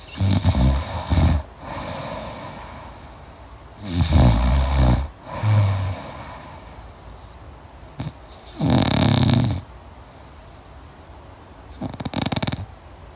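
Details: Loud, deep, crackling, rattling snores, some in two parts, at an irregular slow pace with quieter breathing between; heavy snoring in deep sleep.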